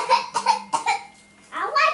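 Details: Young child named in caption gives about three short, voiced, deliberate pretend coughs, then a brief vocal sound; voluntary fake cough recorded 5/12/2016.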